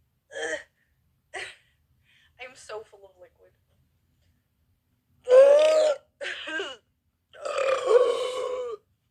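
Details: A series of about six loud, rumbling, some drawn-out burps in a quiet room; repeated belching.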